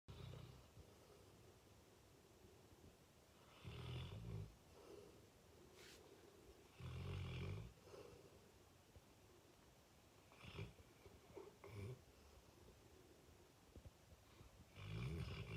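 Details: Adult male Fox Red Labrador snoring while asleep, often waking himself: loud, deep rumbling snores, irregular timing, with quieter snuffling breaths between.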